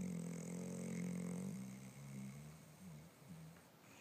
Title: Snoring dog haha